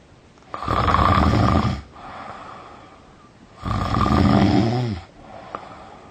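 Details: Boy asleep at a barber's shop: two loud, harsh, rattling snores on inhalation, separated by quieter breathing out, at about 20 breaths a minute: snoring.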